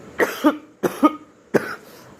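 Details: Three short, harsh coughs in quick succession, the first two with a voiced second phase; acted coughing by a man after drinking cold water in a comedy skit: cough.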